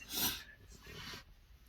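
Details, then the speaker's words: First sneeze after abdominal plastic surgery with muscle stitches, causing severe belly pain: one short hissing, breathy burst, then a softer exhaled tail, a single small, stifled sneeze. "Guys, I just had my first sneeze since the surgery. And I feel like I just burst my stomach open."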